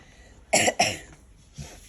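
Two sharp, harsh cough bursts in quick succession from an adult woman, with quiet room noise around them; a cough with a cold.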